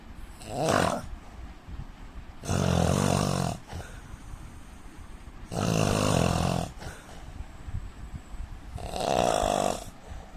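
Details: Indian man snoring heavily: loud, deep, rattling snores on each inhalation, about four over ten seconds, with softer exhalations between.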